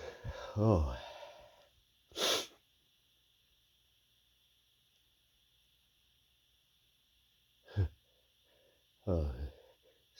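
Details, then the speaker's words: Several short, muffled, stifled sneezes from an itchy, tickly nose, with a gasping build-up before some, separated by quiet. "So tickly. Another sneeze. Chew. Oh my God, that was a lot of sneezes."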